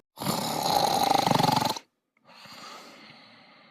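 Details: Cartoon character snoring loudly while napping in bed: one loud, rapidly fluttering snore lasting under two seconds, then quieter noise.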